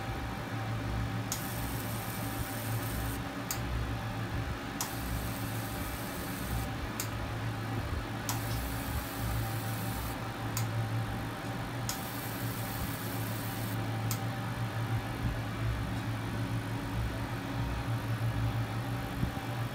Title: Acne and acne scars Laser treatment in jaipur (fractional Co2 Laser) with excellent results